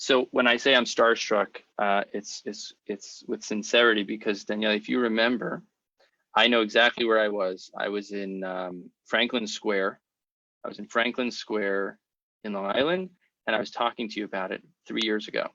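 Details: Adult male speaker; normal speech.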